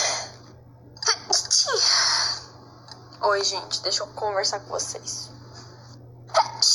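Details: Repeated sharp sneezes from a Brazilian Portuguese speaker, who remarks that it had been a long time since they last sneezed; brief spoken words between bursts over a steady electrical hum.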